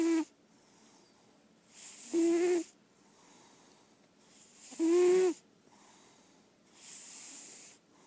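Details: Daisy Belle, a senior lilac point Siamese indoor cat described as healthy, asleep: slow, regular snores, each a short buzzing, squeaky rasp on inhale and a soft airy exhale, about 20 breaths a minute; snoring.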